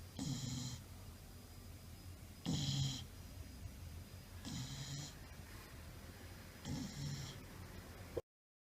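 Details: Golden retriever snoring during sleep: regular rattling snores about every 2 seconds, about 27 per minute, with a steady low room hum between them.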